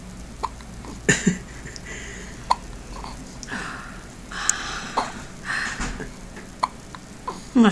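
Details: Infant's first hiccups: sharp, brief catches recurring about once a second, with soft breathing between.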